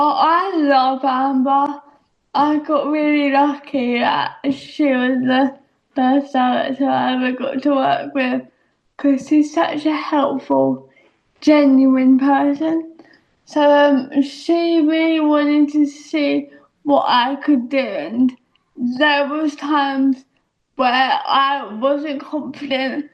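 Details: Adult woman speaking; dysarthria (cerebral palsy).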